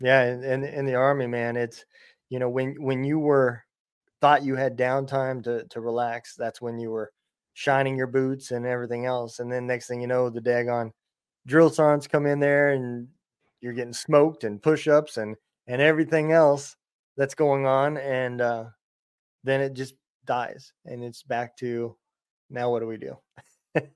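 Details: Adult man speaking; Normal speech.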